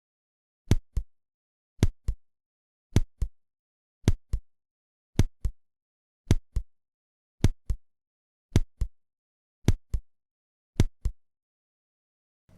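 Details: Simulated slow, regular paired heart sounds at about 54 a minute: complete atrioventricular block with mild bradycardia, easily missed unless the rate is counted.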